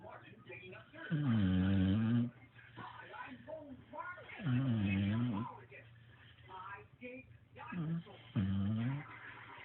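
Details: Snoring: repeated low, rumbling snores about 18 a minute with fainter breathing between, over some room noise.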